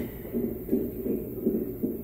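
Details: Fetal heart tones on Doppler at 38 weeks 3–4 days of pregnancy, baby head down after earlier breech transverse position, mother planning VBAC: rapid, regular whooshing pulses, roughly 150 beats a minute.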